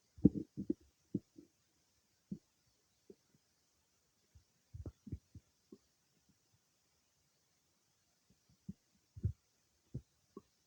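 Irregular low gurgles and squelches in scattered bursts with quiet gaps: stomach and bowel noises of digestion.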